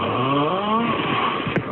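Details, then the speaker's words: Snoring without pauses that an expert judged not to show sleep apnea, recorded on a phone: the sound of a snoring sleeper. ">> THIS SNORING. NO PAUSE. >>Reporter: DR. RAYMOND WAS NOT TOO CONCERNED."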